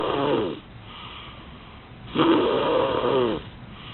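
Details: Bear snoring during sleep: raspy, rattling snores, one trailing off and a longer one about two seconds later, with a soft breath between.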